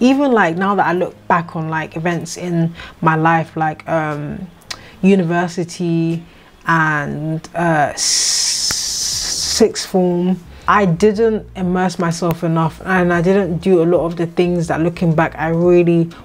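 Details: 26-year-old woman who has stammered for as long as she can remember; she says her stutter is more prominent here because she is tired; stuttering.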